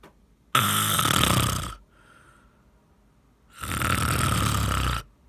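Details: Heavy snorer whose snoring stops at moments, making the listener fear breathing has stopped: two loud, rough, rattling inspiratory snores separated by a quiet gap.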